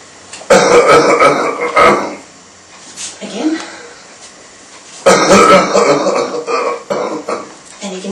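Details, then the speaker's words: Manually assisted cough in a man with high spinal cord injury, body-weight chest compression with shake: two forced, rattly coughs with wet gurgling as airway secretions move slowly upward, not yet cleared. "hear he's got some secretions that are moving up slowly there. And they'll come in a little while. Just takes a few cycles sometimes to shift the secretions all the way up."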